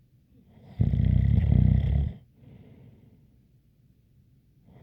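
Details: ASMR snoring recording: one loud rattling snore with a faint light whistle, followed by quiet breathing.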